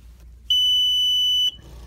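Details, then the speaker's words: Single steady high beep lasting about one second as a Perfecto2 home oxygen concentrator is switched on and its indicator lights come on: a normal power-up signal. "you click in all your lights will light up your indicator lights here they're all light up just indicating the concentrator is working here"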